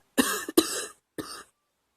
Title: Girl coughing 211